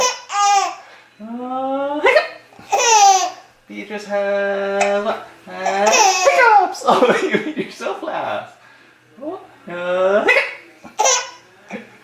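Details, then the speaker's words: Baby laughing and squealing, broken by sudden short catches in the breath: hiccups. "has hiccups! Hiccup! Yeah, you do have hiccups."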